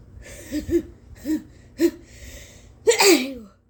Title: Induced sneezes w/at least 4 GIANT, and EXTREMELY POWERFUL and EXTREMELY WET, unexpected ones!😳😱💦💨🤧